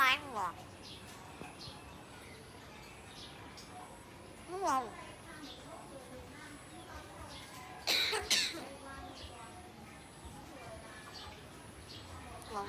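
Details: Cough from a pet bird; owner jokingly wonders if it may be Covid.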